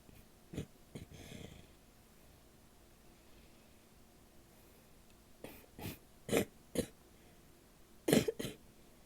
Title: coughing (f) wet and barky